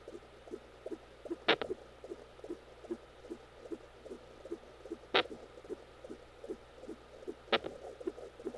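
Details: Fetal hiccups recorded with a home Doppler during labor in a twin pregnancy (twin girls): rapid soft fetal heartbeat broken by three sharper thumps from hiccups.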